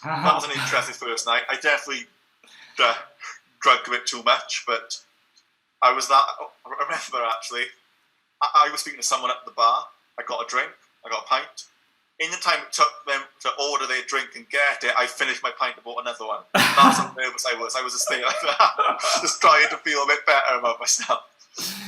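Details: Stuttering in a young adult man who still stutters and blocks after a Starfish technique course; some speech here is spoken without the technique.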